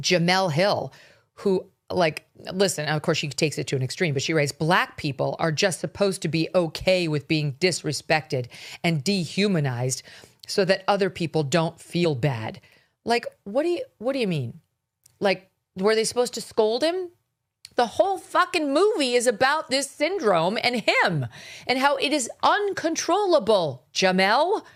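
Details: Adult speaker; typical speech.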